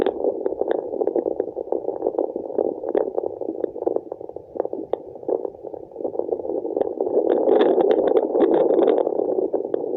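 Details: Handheld fetal Doppler over the placenta in pregnancy: muffled, rushing whoosh with crackly static, swelling louder toward the end; placental blood flow (placental souffle), a normal finding.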